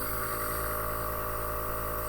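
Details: Nebulizer compressor switched on after medication is squeezed into the kit's medicine cup: steady motor hum with a low rumble, not overly loud, normal running sound.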